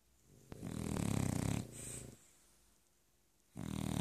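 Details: Sleeping dog snoring: loud, rough, rattling snore on the in-breath, quieter out-breath, then a pause before the next snore.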